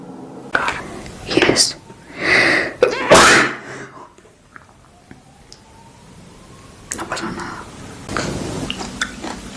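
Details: A person sneezes: a few sharp, explosive bursts after quick in-breaths, with faint room noise.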